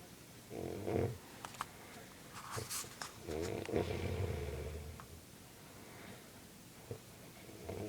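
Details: Loud, rough, rattling snores with a fluttering quality in a small quiet room; snoring.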